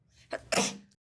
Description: demonstrates a fake sneeze.